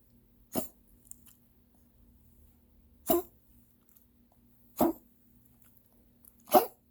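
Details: Dog coughing: four short, harsh cough bursts separated by quiet pauses of a couple of seconds.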